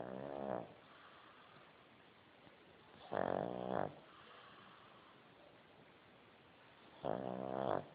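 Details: Sleeping dog snoring: short, nasal, whistling snorts recurring every few seconds over a steady background hiss.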